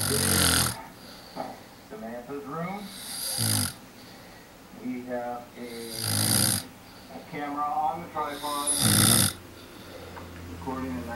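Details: Overnight night-vision camera recording of a sleeping man snoring: loud, rough snores about 21 a minute, with quieter voiced sounds between them.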